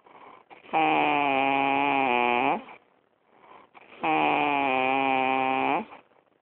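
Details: Snoring: two long, loud, buzzing snores about three seconds apart, with steady rough vibration on each breath.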